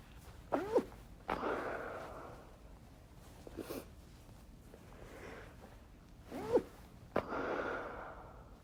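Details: Several short, deliberately stifled chhinkni sneezes, some held back with a sharp pinched burst and a few slipping out more fully, with breathy intakes between them.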